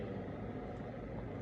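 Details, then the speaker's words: Low steady motor rumble of an Accusure automatic blood pressure monitor pumping up an arm cuff on the left arm; reading afterwards 135/80, normal range, pulse 77. "so automatically once you just start it will begin to inflate your bp cough and then [Music]"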